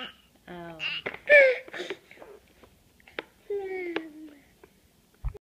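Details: 9-month-old infant fake coughing: a few short, forced voluntary cough-like bursts mixed with voiced babbling and whining.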